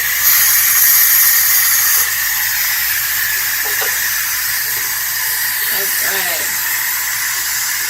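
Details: Young child's dental visit for sealants on small teeth, mouth held wide open with a device in the cheek: steady loud hiss of dental air and suction, with brief faint voices in the background.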